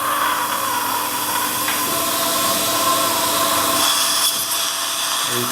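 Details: Upper right central incisor (UR1) guided dental implant surgery with a flap: the steady high-pitched whine of the surgical drill with hissing spray during implant bed drilling.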